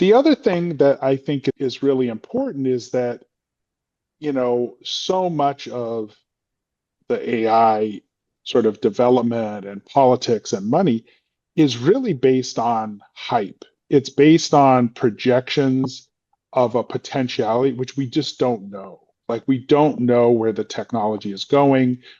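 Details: Adult male speaker; Normal fluent speech.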